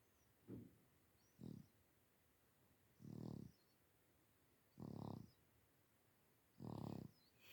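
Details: Low, rattling snores with each breath, about five in seven seconds (roughly 34 a minute), in a quiet room: snoring.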